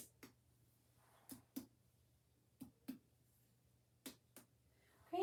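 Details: Normal abdominal percussion note.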